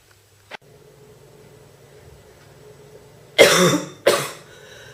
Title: Girl Coughing 428